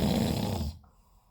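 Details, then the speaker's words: Male sleeper, lying down after the pool, snoring: the rough, rattling tail of a loud snore fading into quiet. "это он храпит очень тихо порви всех во сне Загрузи насмерть Боже как он храпит"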